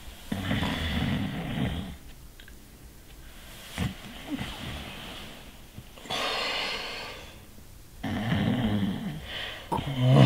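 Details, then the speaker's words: Snoring in a staged film scene with two men in bed: loud, rough rattling snores on the in-breath, three long cycles with quieter breathing between; heavy snoring. "Cameron. Babe, you're snoring. It's not me."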